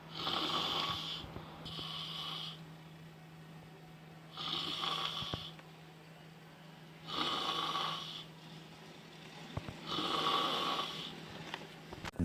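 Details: Snoring.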